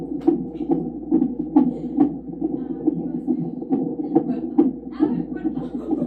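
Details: Fetal heartbeat heard on a Doppler monitor during pregnancy: fast rhythmic whooshing pulses at about 136 beats a minute, a normal fetal heart rate.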